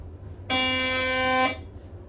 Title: SPECTRA MRI Sounds Siemens Magnetom